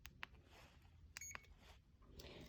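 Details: A few short clicks and brief electronic beeps as keys are pressed while programming a CADD pump in PCA mode during a demonstration; infusion pump keypad beeps.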